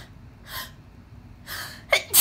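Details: Uncovered allergic sneezing fit after dusting: two soft in-breaths, then a quick gasp and a sharp burst at the very end, the build-up to a sneeze.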